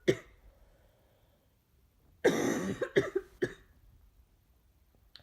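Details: Adult woman who is sick, throat sore from repeatedly inducing sneezes, gives a short cough burst then a harsher spell of about four coughs in a quiet room; cough during illness.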